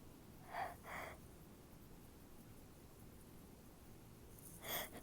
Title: Stifled sneezes